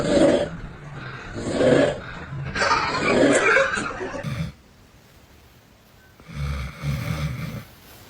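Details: Clip from a compilation of funny snores, human or animal: loud, rough, rattling snores in irregular bursts, some growling, then quieter snoring after a pause; snoring.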